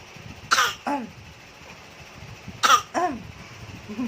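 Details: Two pairs of short, harsh coughs, each followed by throat clearing, in a quiet room, from someone who is ill with a cough.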